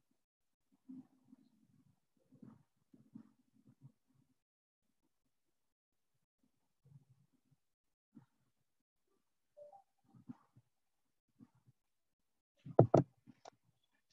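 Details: Simulated mild sensorineural hearing loss: speech sounds very faint and muffled, with most speech sounds lost, then a louder voice at the end.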